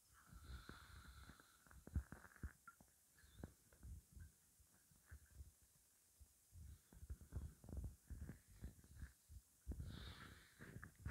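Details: Hunger bowel sounds, stomach said to contain only water: soft, low gurgles and rumbles in irregular bursts; normal stomach growling from hunger.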